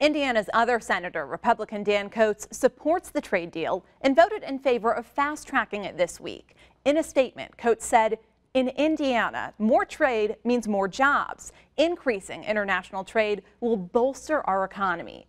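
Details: Adult female news reader; Normal speech.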